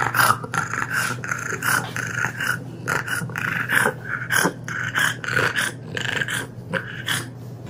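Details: Short-faced dog breed (bulldog, pug, French bulldog or shih tzu type) with brachycephalic airway obstructive syndrome (BOAS): continuous loud snorting, snuffling, harsh rattling breaths from partial airway obstruction.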